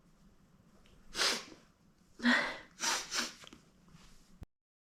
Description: Imagine being below me as I burst out in a sneezing fit! 🤧 Let's make that reality 😉